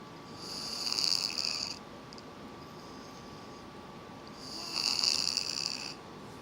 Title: Sicko snoring - struggling to breathe